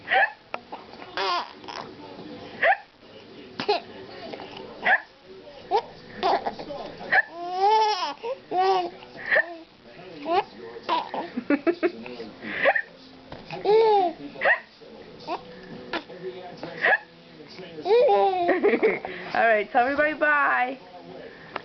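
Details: A young girl copying an adult's hiccups and laughing: short, abrupt, voiced hiccup-like catches mixed with babbling and laughter. This is imitated rather than true hiccups.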